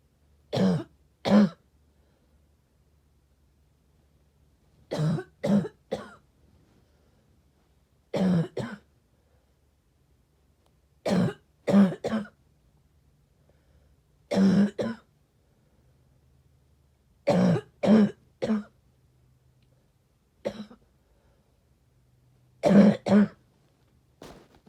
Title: Sick coughing